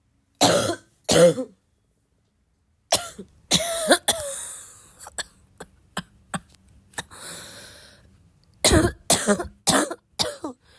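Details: Girl still sick with a barking cough: repeated harsh coughs in short bursts, about a dozen over ten seconds, with pauses between clusters; productive-sounding coughing fit.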